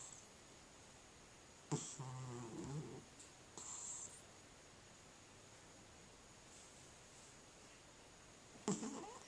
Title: Cat Snoring